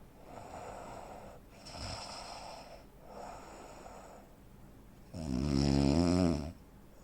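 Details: 43-year-old man, 85 kg, 165 cm, recorded snoring during sleep: three soft, breathy snores, a brief quiet gap, then one loud, rough, gasping snore; obstructive sleep apnea pattern of snoring with breathing pauses.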